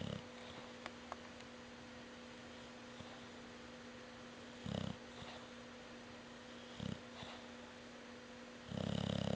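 Short, soft snoring snorts every few seconds over a steady background hum.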